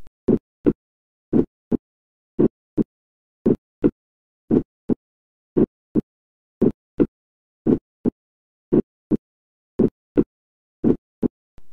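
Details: Heart sound teaching recording, slow regular heartbeat: split first heart sound, normal in young adults, also seen in right bundle branch block; split first heart sound.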